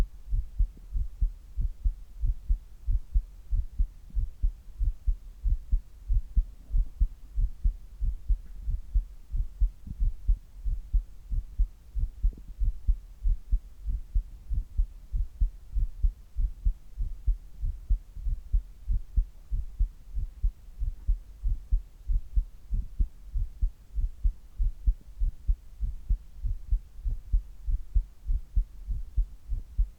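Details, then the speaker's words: Adult man's resting heartbeat, recorded before handstand push-ups: steady, regular low thumping with a faint hum behind it; normal resting heart sounds. "まずは平常時の心音をお聞きください。"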